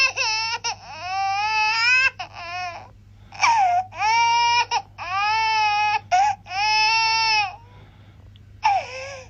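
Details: Infant crying sound-effect recording: repeated loud, sustained cries with rising and falling pitch, broken by brief catches of breath; ordinary baby crying.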